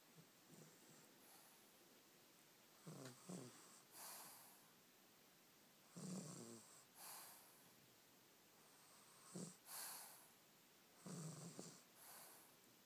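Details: Sleeping child about 2¾ years old: quiet repeated snorting snores with a rattle on the in-breath and soft hissing out-breaths, about four breaths of light snoring.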